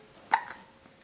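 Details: A cooing baby trying to fight her hiccups while talking to toys: a single short, sharp hiccup sound in a quiet room.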